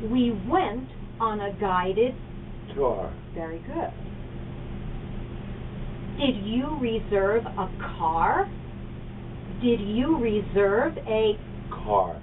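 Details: Adult speakers in a quiet room; ordinary speech.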